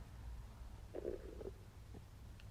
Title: 3mins Stomach Noise Digesting Wagyu Steak !!might be gross!!